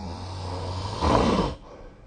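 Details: Snoring recorded with a snoring app during sleep: one loud rattling snore on breathing in, over steady low room hum.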